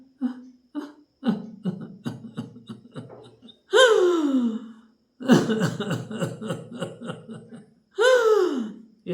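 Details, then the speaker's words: Runs of short rapid coughs in a child, each followed by a long high-pitched whooping in-breath after prolonged coughing; whooping cough (pertussis, kukur khansi), described as a serious condition. "और कुछ कुकुर खांसी या हपिंग क जिसको हम बोलते हैं जिसे बहुत ज्यादा देर तक खांसी आती रहती है और उसके बाद एक विशेष आवाज आती है जैसे"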